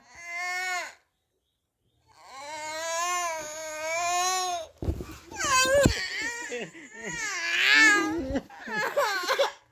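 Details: Young girl crying to be taken to her mother: long, high wailing cries with catches and sobbing breaths between them; infant crying hard.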